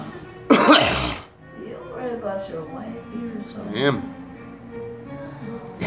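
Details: Single harsh cough burst followed by throat clearing, with music playing in the background.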